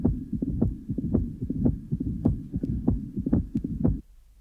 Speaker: this 52-year-old woman is fibrillating but has tight mital stenosis with a pliable valve the first heart son is loud and varies in intensity a loud opening snap is heard following the second heart sound and then a rumbling murmur which fills diast